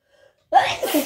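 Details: Cat: a faint intake, then one short, wet, snotty, explosive sneeze.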